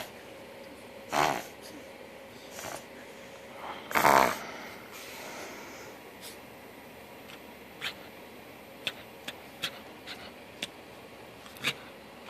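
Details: Luna the pug reverse sneezing: a few loud snorting inward breaths in a small dog, a brief reverse sneezing episode.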